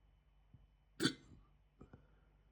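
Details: Right after eating a chicken tikka jalfrezi curry, hiccups started almost immediately (recorded 28 July 2026, audio only): one sharp, sudden gulping hiccup against quiet room noise, followed by a couple of softer catches.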